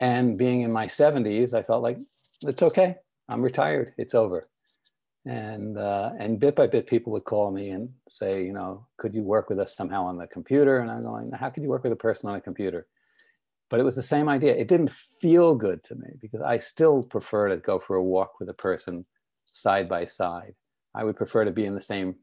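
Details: Older adult man; typical speech.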